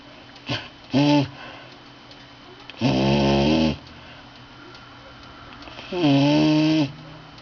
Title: The Snoring Bully Pt. 2